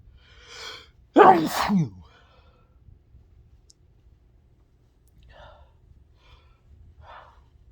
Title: induced sneezes